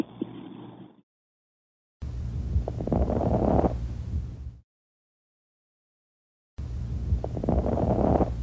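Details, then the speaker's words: Pleural friction rub, from inflamed parietal and visceral pleura rubbing together, heard in both respiratory phases: rough, creaking, grating sounds with each breath. "à l'auscultation vous pouvez entendre aussi le froissement pleurales qui correspond aux frottements la friction de feuillet de la plèvre pariétal et viscérale l'un contre l'autre de fait d'une inflammation"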